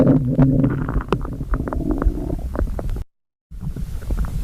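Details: After overeating: low gurgling and rumbling with bubbly pops, brief silence near the end; stomach growling (borborygmi).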